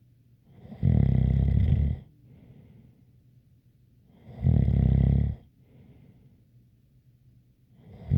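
Loud, rough snores on breathing in, about every four seconds, with a faint soft whistle on breathing out; ordinary snoring.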